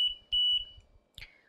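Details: LTV 950 home ventilator alarm: sharp, high-pitched repeating electronic beeps followed by a brief chirp, signalling circuit disconnection and low pressure.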